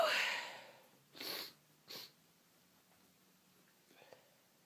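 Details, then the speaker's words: Very sniffly person with streaming eyes, after repeated false starts and stuck sneezes: a loud sneeze fading out, then two short, partly stifled sneezes in quick succession. "And it keeps teasing me with false starts, stuck sneezes, and I am very, very sniffly. I just need to sneeze."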